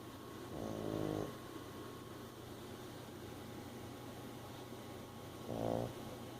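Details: Pet snoring in sleep while another is dreaming: two soft, buzzing snores about five seconds apart over low room hum.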